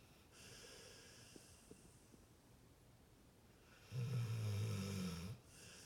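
A soft breath is followed by a loud, low, vibrating snore from a sleeping dog.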